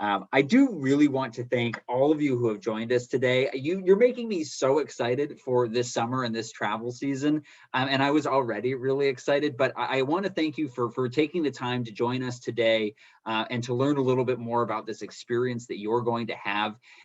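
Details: Adult speaker; normal voice.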